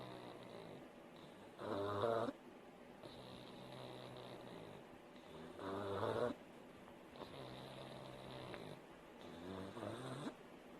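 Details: A sleeping pug snores loudly with a rattle on each breath in, about 15 a minute, with quieter breathing between.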